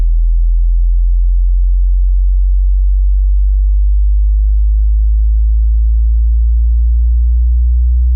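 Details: Hearing-test tone sweep: a pure low sine hum slowly rising in pitch, the start of a sweep from 20 Hz to 20 kHz checking a listener's hearing range.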